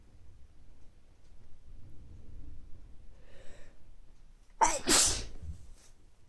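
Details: Soft breaths build to a sharp in-breath, then one loud explosive sneeze, from someone with recurring mild colds over recent weeks, nose not very stuffy but feeling sneezy; sneezing.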